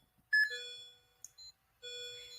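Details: Simulated ACLS training with milliamps increased on monitor-defibrillator: clear electronic tones and beeps as transcutaneous pacing at rate 70 reaches 100% capture, QRS after each pacer spike; transcutaneous pacing.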